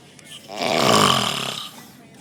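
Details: Man described as fat: one loud, rough, fluttering snore on an in-breath; snoring.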